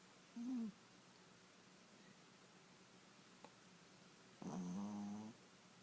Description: Pom falling asleep and starting to snore